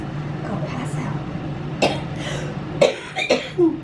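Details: Several short harsh coughs and throat-clearing sounds over room noise during coached pulmonary function (forced breathing) testing at hospital; cough in cystic fibrosis, patient on steroids, results up a few percent.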